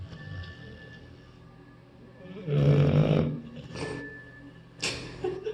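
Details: Adoptable shelter dog snuggling: a loud, low, rumbling rattle during one breath, with softer breathing sounds around it; snoring.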